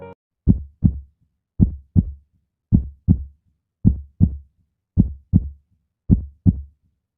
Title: 🫀heart sounds effect heart sounds dil ki awaj